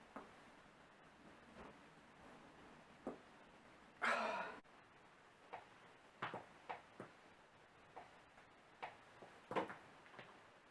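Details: Self-performed morning cracking of the neck, back and fingers by a non-chiropractor: scattered sharp pops and clicks with one louder crack in a quiet room.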